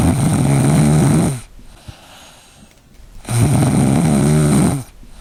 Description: Some dogs snore when they sleep, just like humans. It happens when the airflow is blocked a little, causing vibrations.